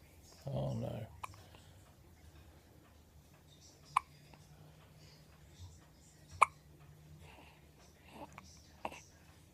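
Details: Baby in a quiet room gives about three sharp, brief hiccup clicks spaced several seconds apart, with a short rustle; infant hiccups.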